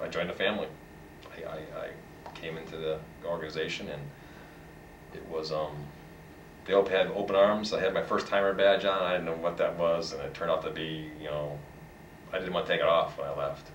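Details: Adult man who stutters, a long-time stuttering support group member; audible word repetitions; stuttering.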